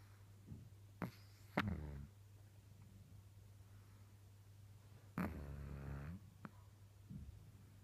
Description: Pug puppy 6 months snoring , fast asleep ! Cute